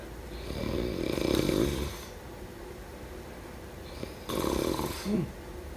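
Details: Snoring: two rough, rattling snores on breathing in, separated by a quiet breath out, in a small room.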